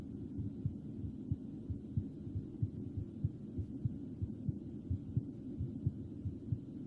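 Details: Soft muffled heartbeat, regular at about 90 a minute under a steady low hum, edited into an ASMR whispering track; a regular heartbeat.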